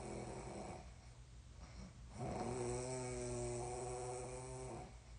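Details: Sleeper snoring before a sleepwalking urination episode they do not remember: loud, rough snoring with a buzzing, vibrating quality during breathing; afterward the person complains of groin ache.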